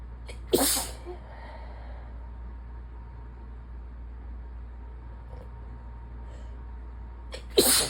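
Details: Two sharp, explosive sneezes about seven seconds apart over steady room hum, in a person sick with a sinus infection.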